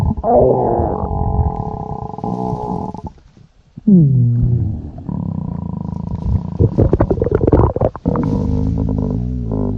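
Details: Stomach growling (borborygmi): loud, low gurgling rumbles with squeaky, pitch-sliding tones, ordinary gut sounds from moving gas and fluid.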